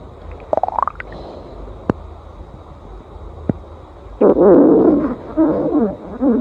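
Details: Stomach growling (borborygmi): brief squeaks and clicks, then a long warbling, bubbling rumble with wavering pitch over low room hiss.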